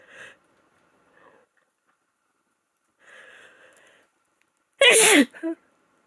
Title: Desperate congested cold sneezes #female #sneeze #cold